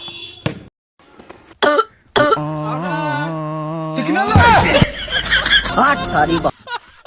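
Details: Several short, harsh acted coughs in a comedy skit about a bidi smoker, followed by a long held vocal tone and a noisy stretch, with music over them; cough.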